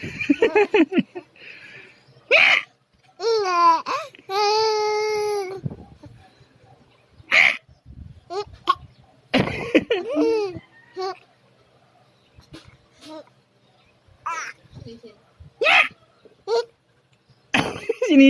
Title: 3 MONTHS OLD BABY LAUGHING WHILE HICCUP